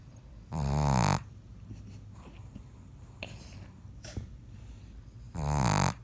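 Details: Sleeping female pug: two loud buzzing snores several seconds apart with quieter breathing between them; snoring.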